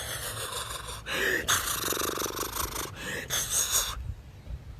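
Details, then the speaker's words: An imitated harsh, rattling, gurgling snore-like breath demonstrating the deep 'death snore' of an opioid overdose, in naloxone training. "the deep gurgling or snoring is the depth they call it the DEF snore and it sounds like this because I know someone that died like this"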